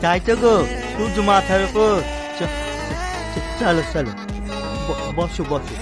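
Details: Acted stuttering by a boy in a short drama.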